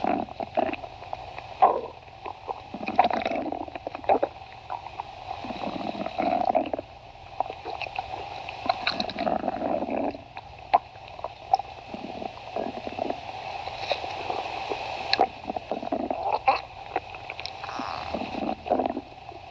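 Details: Two people's stomachs growling: repeated gurgling, squelching rumbles and bubbly squeaks over a low hum, the ordinary sound of gas and fluid moving through the gut.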